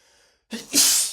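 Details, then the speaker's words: Male sneezing repeatedly after cooking with a lot of black pepper: a brief catch of breath, then a single forceful sneeze. "God, it gets tough. You can't stop sneezing."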